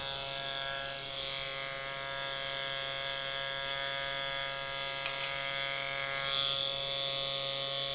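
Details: Steady high-pitched electric buzz in a quiet room: a microneedling pen running continuously over a patient's face, treating wrinkles and expression lines.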